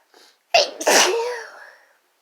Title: Sneezing fit from chhinkni (F+M)